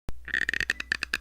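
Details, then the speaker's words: Toddler grinding their teeth, with a rapid run of sharp scraping, squeaking clicks, consistent with bruxism, which is common in toddlers and preschoolers. "It's not a tiny construction worker. It's your baby grinding teeth. Teeth grinding or bxism isn't just for stressed adults."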